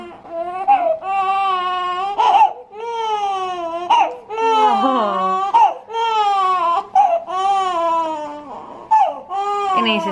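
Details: Loud, rhythmic crying in short bursts with quick breaths between, from one of infant twins at 2:15, before the next feed scheduled at 3:00; ordinary infant cry.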